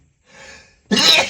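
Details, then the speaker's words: Acted scenario: a person allergic to lavender, trying to stifle sneezes while hiding, takes a soft indrawn breath, then gives a single loud, explosive, unstifled sneeze. "You know stifling makes me sneeze more. I can't keep stifling this. It's you. Hit you. Hit you. I don't think I'm going to be able to stifle this next one."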